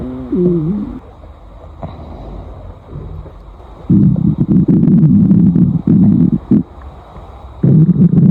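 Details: Stomach growling: loud, low gurgling and rumbling in several long bursts between quieter stretches; borborygmi.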